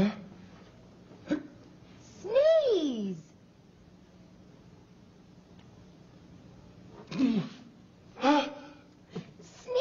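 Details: Loud sneeze attributed to a man: a rising-falling voiced "ah" build-up, then bursts of noisy exhalation, a drawn-out sneeze, likely an imitation.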